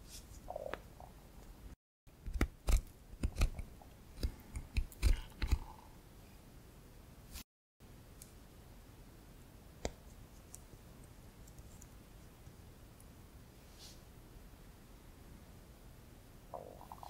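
Low gurgling rumbles and bubbly pops from a hungry stomach, then near-quiet room hiss.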